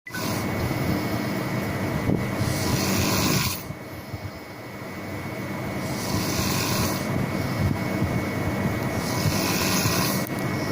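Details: Snoring in staff accommodation: rough, rattling breathing noise recurring in cycles over a steady background hum.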